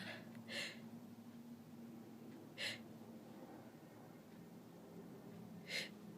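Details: Sneezing and nose-blowing: three short, sharp bursts of air through the nose after a tickling nose, with mucus filling a tissue, in a quiet room.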